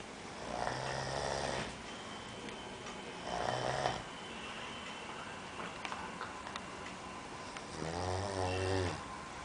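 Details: A male roommate who usually snores while sleeping: three low, buzzing snores on breathing in, a few seconds apart, over steady room hiss.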